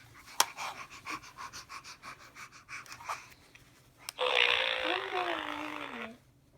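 Quick, even panting breaths, about 220 a minute, then a long groaning vocal sound; dog panting.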